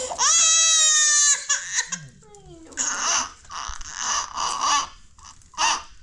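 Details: 6-month-old (24-week) baby girl receiving three vaccination injections, one in the left and two in the right, while arms are held: loud, high sustained wail with breaks and renewed sobbing bursts; pain cry.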